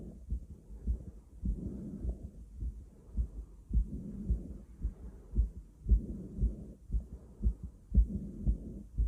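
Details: Self-auscultation of own chest with a stethoscope: regular, steady heartbeat thumps overlaid by loud, fast, heavy breathing whooshes; heart sounds with breath sounds.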